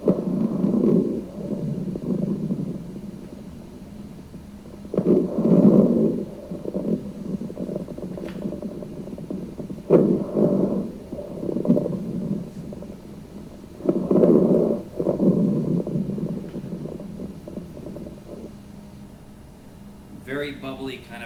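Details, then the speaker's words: Rhonchi: loud, low-pitched, coarse bubbling throughout inspiration and expiration, from secretions in the larger airways, heard early in the respiratory cycle. "so let's listen to some rock guy hearing that bubbling throughout the inspiratory cycle and throughout expiration"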